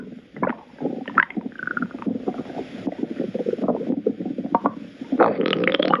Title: Stomach Growling